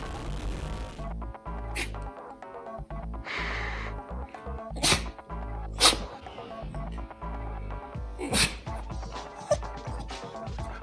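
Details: Dog sneezing: about five sharp, snorting sneezes over loud background music.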